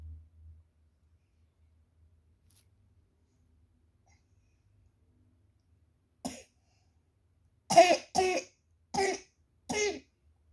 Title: Batuk Vs Ngantuk